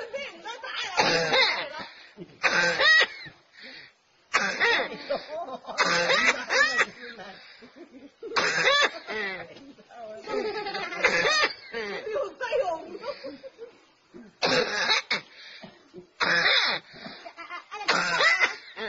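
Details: An adult gives repeated harsh, throaty coughs in clusters, typical of a chronic smoker's cough.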